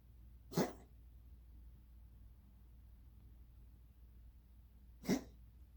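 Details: Cat with a weird cough lasting months, not a hairball; two brief, harsh bursts about four and a half seconds apart against quiet room noise, cat coughing.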